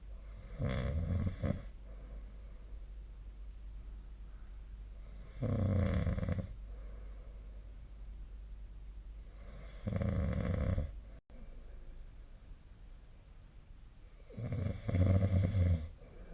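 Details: Four low, rattling snores at regular intervals, about 13 breaths a minute, with quiet between them, in a nightly sleep recording apparently made with the SnoreLab snoring app; snoring.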